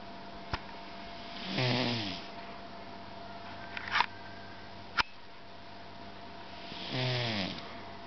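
Two drawn-out, whistly, falling snores about five seconds apart, with a few sharp clicks between; snoring in a sleeping cat.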